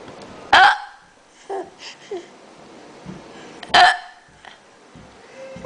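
Two sharp, abrupt hiccups about three seconds apart, with soft breathing and small throat sounds between them. Ordinary hiccups.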